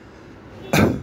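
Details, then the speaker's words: An adult imitates a short, voiced expiratory grunt ("neh-neh") of a child in respiratory failure; the child grunts to keep the airways open, like PEEP. "النفس بالطريقه دي بيحاول يعمل يعمل يعمل ا زي البيب او البيكسب بريشر يخلي الايفلاي مفتوحه بالقوه ودي علامه زي ما قلنا جري ريسبراتوري فيلير"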